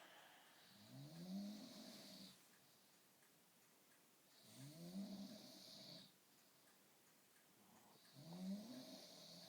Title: Womble snoring